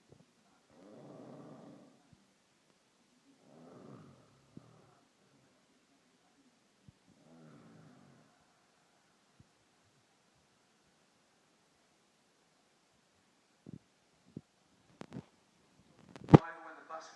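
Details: Man snoring: three soft, rough, low snoring breaths, then quiet with a few clicks and bumps.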